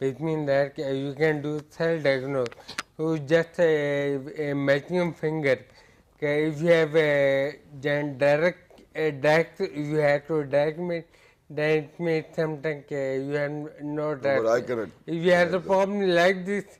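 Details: Adult male with ataxia affecting speech, balance, posture and gait, with walking and speaking problems developing gradually over years; a neurologist describes it as scanning speech; ataxic dysarthria.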